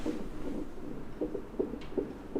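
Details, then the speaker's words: Fetal heartbeat on a hospital Doppler monitor at about 36.5 weeks, after the waters broke, with the position found by ultrasound. Rapid, regular whooshing pulses are counted at about 155–161 beats a minute, called pretty fast. "so we're just going to monitor the baby's heartbeat now and then you know do a few tests you can hear the heartbeat"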